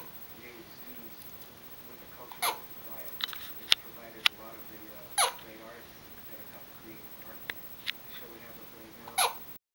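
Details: Hiccups: sharp, brief gulping bursts every few seconds in a quiet room with soft background voice sounds.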